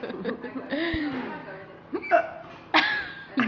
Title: Very drunk hiccups :/